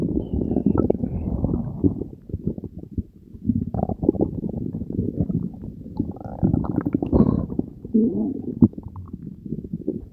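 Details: Belly gurgles recorded after Diet Coke and Mentos were swallowed: continuous low gurgling and rumbling with bubbling bursts over ten seconds; active bowel sounds (borborygmi) from gas and fluid moving through the gut.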